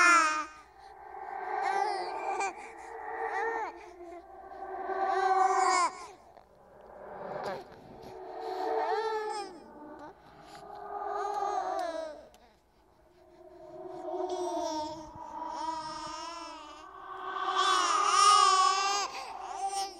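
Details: Horror sound-effect track, not a real baby: repeated rising and falling wails separated by short breaths; a ghost-baby imitation of an infant crying.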